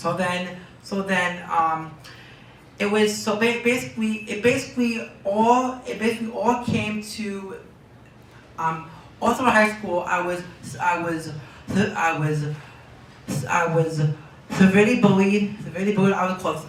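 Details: Young man diagnosed with Tourette syndrome at age four, with word and phrase repetitions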